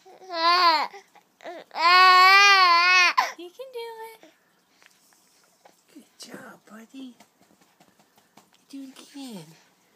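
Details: Baby boy crying during tummy time, likely tired: a brief high-pitched wailing cry, then quieter fussing whimpers; infant cry.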